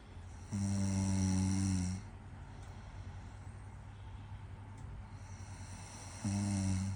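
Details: Adult woman snoring: two loud, low, rattling snores about six seconds apart, with quiet breathing between them.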